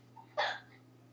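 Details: Four-year-old girl in a ninja Halloween costume, singing and talking while playing, with hiccups: a single sudden, sharp hiccup amid quiet room hum; hiccup.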